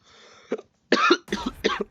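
Two or three short, dry cough bursts from an adult with a cold, with brief breathy sounds in between.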